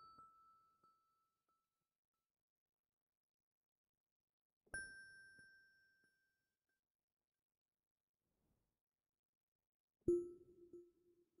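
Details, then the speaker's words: Simulated hearing-test relaxation role-play: headphone pure-tone audiometry beeps, three separate pure tones at different pitches with silence between, as the listener is asked to raise a hand on hearing each sound. "I'm going to be playing a series of sounds into your ears. And when you hear them, I just want you to raise your hand, okay?"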